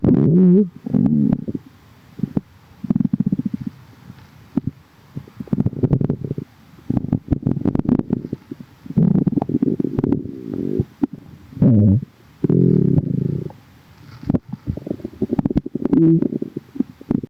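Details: Loud, low gurgling and rumbling bursts from the tummy straight after drinking: stomach growling, borborygmi.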